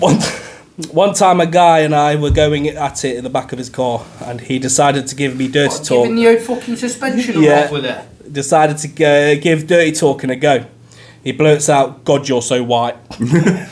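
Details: Adult speaker; typical speech.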